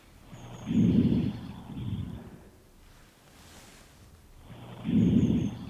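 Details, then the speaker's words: Normal breath sounds heard through a stethoscope over a male patient's chest during deep breaths in and out: soft, rushing sounds, about 14 per minute, without wheeze or crackles. "I'm now going to listen to the chest. If you could just take some deep breaths in and out through"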